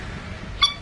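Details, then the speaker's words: A single brief, high-pitched, squeaky sneeze from an adult woman during a gaming stream, which she calls her cute kind of sneeze. "Hopefully that's the only sneeze. I get picked on for my sneezes quite a bit cuz I I have two different kind of sneeze. One of them is apparently really really cute, which is the one you guys just heard."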